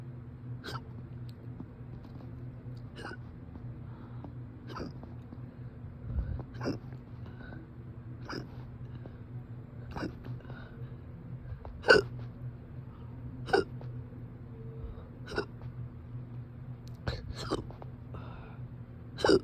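Sharp, brief hic sounds recur irregularly about eight times a minute over steady low room hum: persistent hiccups.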